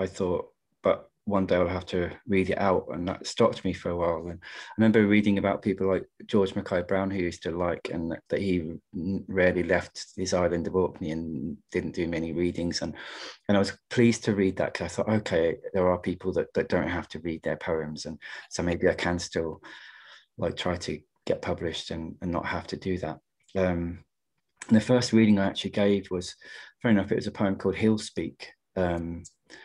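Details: Adult male poet who stammers, speaking in a webinar on stammering and creativity, with word repetitions: stammering.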